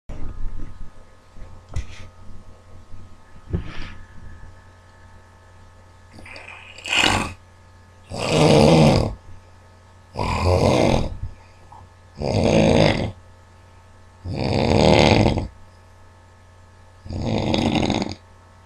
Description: It's a shame to be sleeping this hard!